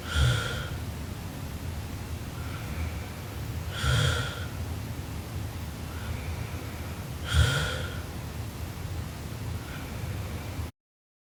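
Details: Sleeping Japanese girl snoring very loudly: three harsh snoring breaths about every 3.5 seconds, roughly 17 breaths a minute, softer breathing between.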